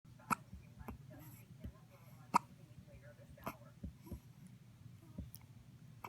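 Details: Newborn girl on her hospital release day with hiccups: soft, sharp gulping clicks at irregular intervals, roughly 29 a minute, in a quiet room.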